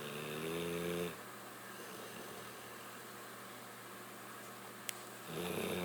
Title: SNORING BULLDOG